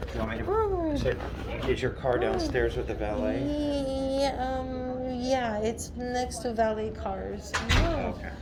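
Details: Adult speakers in a small room; ordinary conversational speech.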